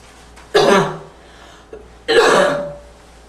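Two harsh, barking coughs with a faint whistling edge, a hoarse cough with slight wheeze.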